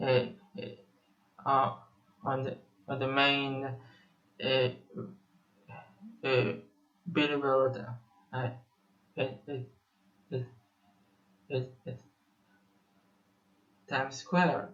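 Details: 25-year-old Israeli male musician who has stuttered for almost 21 years; repetitions audible; stuttering.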